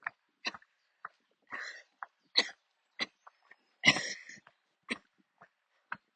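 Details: About a dozen short, dry cough bursts, some doubled, with brief gaps between them: a coughing attack while walking outdoors near the end of a walk. The person usually has to stop and sit or kneel during attacks but kept walking.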